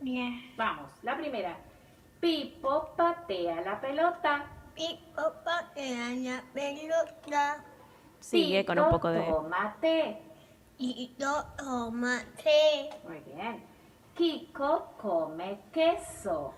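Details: Patient with cleft lip and palate, recorded a couple of months later after speech therapy; compensatory articulation still present, though some phonemes are now well articulated. Compensatory articulation (cleft palate speech).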